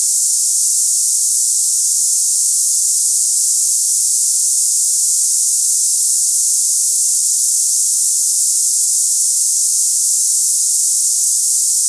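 Steady high-pitched hissing, like cicadas, unbroken throughout; a simulation of the hissing kind of tinnitus.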